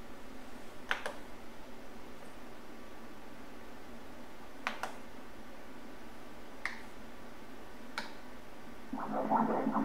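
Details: Doppler ultrasound at 19 weeks of pregnancy, cephalic fetus: brief, fast, regular whooshing pulses over steady machine hiss with a few clicks; fetal heartbeat at 162 beats a minute.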